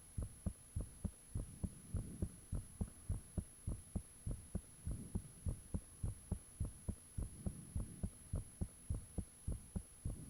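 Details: Self-recorded heartbeat with fan off, taken shortly after the heart began feeling unusually thumpy: steady thumping at about 100 beats a minute, faint whooshing between beats, constant high background hum; valve and blood-rushing sounds reportedly audible.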